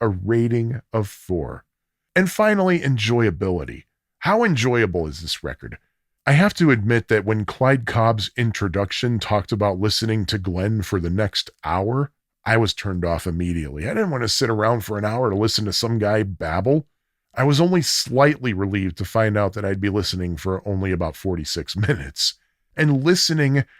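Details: Adult male speaker; normal speech.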